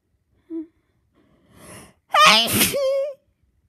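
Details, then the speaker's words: Big sneezes induced by tickling the nose while half-asleep after taking sleep medication: a sharp in-breath, then one loud, voiced, forceful sneeze, followed by drowsy speech. "Sneezing. Big sneeze. Big. I keep sneezing. I'm tired. I sneeze."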